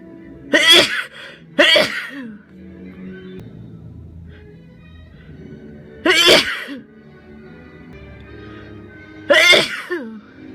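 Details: Sick person: four sharp, explosive sneezes, two close together then two spaced apart, each with a brief in-breath first, over soft background music; sneezing.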